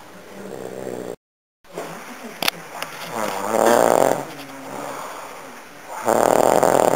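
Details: Snoring.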